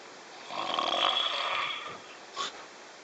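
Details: Snoring while asleep on a train: one drawn-out breathy snore with a short snort afterward amid train noise.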